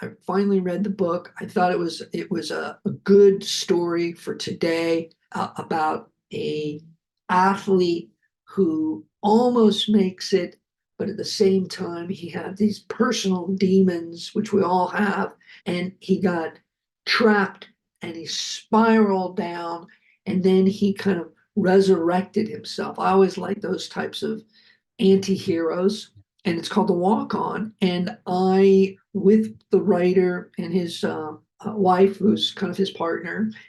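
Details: Adult male producer, a heart attack and aphasia survivor, speaking with repetitions and word-finding difficulty; aphasia.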